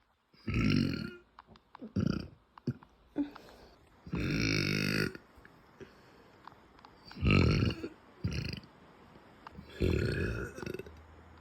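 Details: Five low, rumbling, deep closed-mouth burps from a girl who is bloated and gassy, with small gulping sounds between them in a quiet room; ordinary belching.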